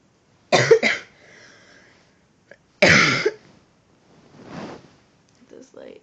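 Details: Two clusters of short, harsh coughs in a quiet room, then soft breathy sounds, from a sick person who cannot sleep and has taken cough syrup: cough with a cold.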